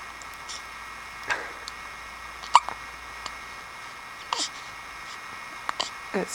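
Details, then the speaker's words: A 1-week-old baby girl hiccuping: brief abrupt hiccup sounds, about five over six seconds, against quiet room noise, while an adult talks to her. The hiccups get louder and higher-pitched with a finger in her mouth. "Oh, you got the hiccups. Go, go, go. In and out. Look at him."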